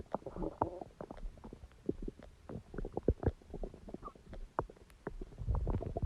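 Frequent bubbling gurgles and low rumbles in quick bursts; ordinary stomach growling from gas and fluid moving through the gut.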